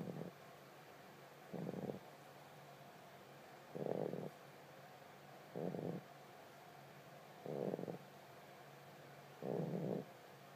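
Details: Tiger brindle boxer puppy asleep, snoring up a storm with short rhythmic rumbling snores about 31 a minute and quiet gaps between them; snoring.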